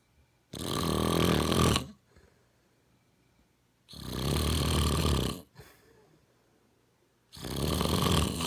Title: snoring